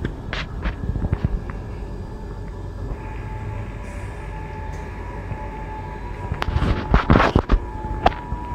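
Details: Steady low motor hum with a faint whine from a running Medris Y-501W 5-litre medical oxygen concentrator just switched on, with handling clicks and knocks at the start and end.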